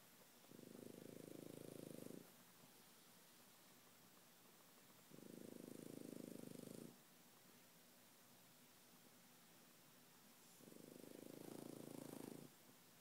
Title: Snoring Frenchie